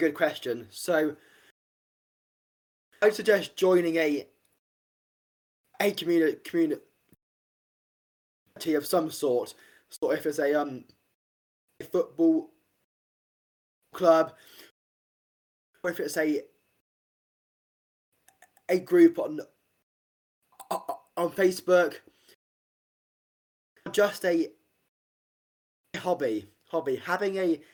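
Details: Stuttering (stammering) in an adult man, an army medic soon leaving service to work as a personal trainer, who has stammered since about age five; real, not acted.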